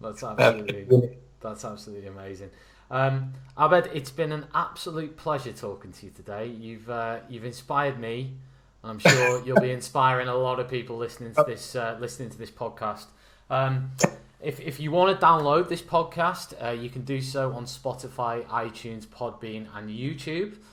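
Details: Adult male speaker; normal speech.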